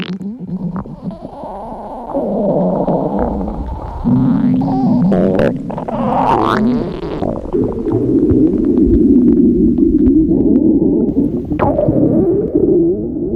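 Overlapping low gurgling and rumbling gut sounds, continuous and loud; normal stomach growling from several stomachs at once.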